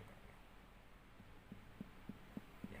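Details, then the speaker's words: Normal tympanic abdominal percussion note in a child during a physical examination: a run of short, hollow finger taps systematically percussing the abdomen. "kita dengarkan bunyi apa. Secara normal di abdomen itu bunyinya adalah timpani ya."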